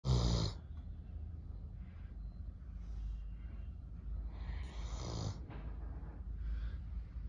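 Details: Snoring from a sleeping Doberman: low rumbling snores with a soft whistling hiss on the breaths.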